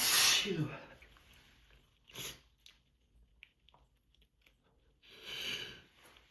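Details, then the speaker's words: Repeated forceful allergic sneezes with sniffing between, a seasonal allergy sneezing fit in the morning that keeps returning right after waking, nose rubbed with tissues; sneezing. "Yeah, they just don't let up. They just don't let up. As soon as I wake up, they just start up again."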